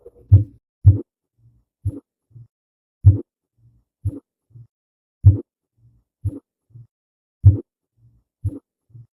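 Regular lub-dub heart sounds with a faint extra low thud in each cycle, about 55 beats a minute.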